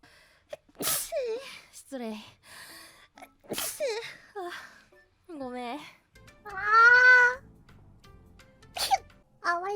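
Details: Compilation of sneezes from female VTubers (Hololive): several sharp, bursting sneezes from different voices, each followed by brief high-pitched exclamations.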